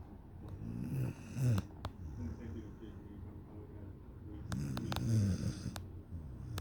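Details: One-year-old dog sleeping against the owner: deep, low rumbling snores on each breath with a few clicks and rustles; a sleeping dog snoring.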